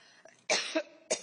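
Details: Adult woman at a congressional hearing has a coughing fit, then excuses herself and asks for a lozenge: cough.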